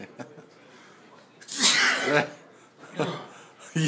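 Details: Adult gives one loud, forceful sneeze, deliberately triggered by tickling the nose with paper, followed by brief laughter; sneeze.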